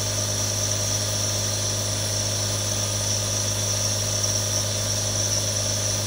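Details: Real compressor nebulizer, one of three recorded: constant motor drone with a low buzz and hissing airflow, running steadily; normal device sound.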